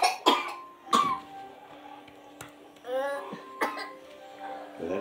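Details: A few short, sharp coughs from a child, with music playing in the background.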